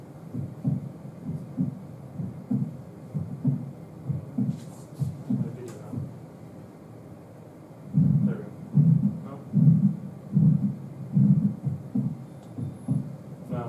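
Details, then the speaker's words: Heartbeat about 75 a minute with a soft blowing turbulent murmur after the second sound (backflow into the ventricle after aortic valve closure), with slight stenosis also described; aortic regurgitation murmur, teaching example. "now we have regurgitation so in this case you have a little bit stenosis causing this sound but after the valve closes this is the second sound love du after the a valve closes you're getting back float into The ventricle so you're getting turbulent sound after the Val closes"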